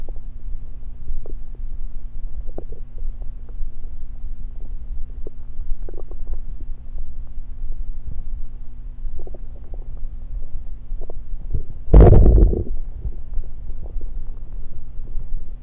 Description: Today's video I recorded my stomach while gulping down some Diet Pepsi.